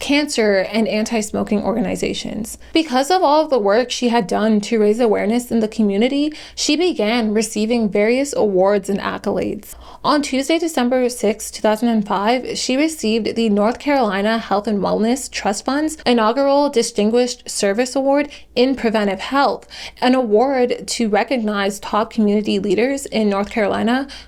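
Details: Adult female narrator; ordinary speech.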